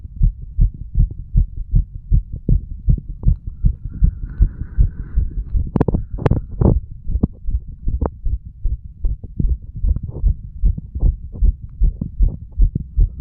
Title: HeartBeat Recording of 35 Year Old under influence of Medical Marijuana and Tobacco.